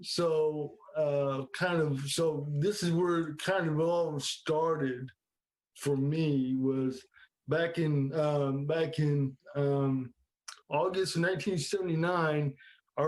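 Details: Adult man with cerebral palsy since birth in the 1970s, affecting his legs, arms, hands and speech; dysarthria (cerebral palsy).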